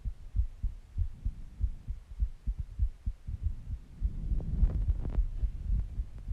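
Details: Heartbeat recording with breathing sounds: regular low heart thumps at about 100 beats a minute, with some rubbing noise in the latter part.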